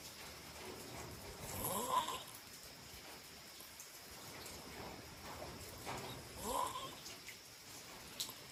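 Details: Two slow, rough snoring breaths about four to five seconds apart during sleep, over steady background hiss; snoring.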